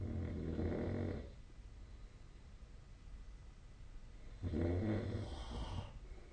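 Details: Snoring during sleep: two long, low rattling snores on breathing in, separated by quiet breathing out.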